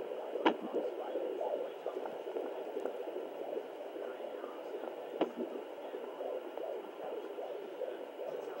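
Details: Fetal hiccups at 32 weeks 6 days heard on home Doppler: rapid whooshing fetal heartbeat broken by sharp isolated hiccup knocks.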